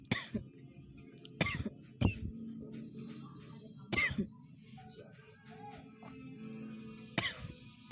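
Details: Cough: about five short, sharp isolated coughs, irregularly spaced over several seconds, with soft music underneath.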